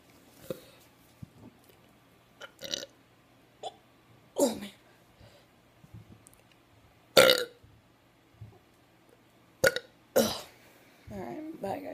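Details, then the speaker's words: Deliberate, repeated burping on request: several loud, voiced belches of varying length with quiet gaps between, in a small room. "I don't care how much you put do it say you want me doing um burping videos I'll still do it just for you guys just for you guys all right it might be a little gross but all right"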